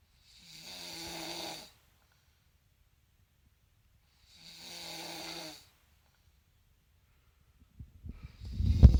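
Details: Two low, rattling snores on breathing in during sleep, separated by quiet pauses, with brief handling clatter at the end; snoring.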